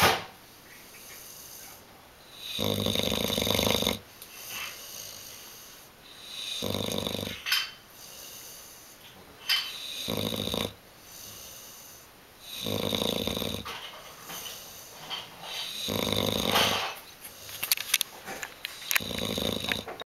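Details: Buster, 7-month-old Bullmastiff-Boxer mix dog, asleep: loud rhythmic snoring on each in-breath, about six cycles over twenty seconds, with quieter breathing between; snoring.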